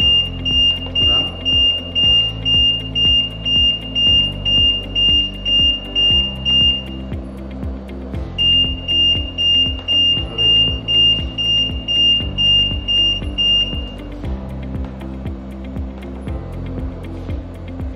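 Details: Vyaire LTV transport ventilator during alarm-setting demonstration: regular high-pitched beeping about two per second in repeating bursts with background music, a ventilator alarm (low pressure mentioned) sounding until reset.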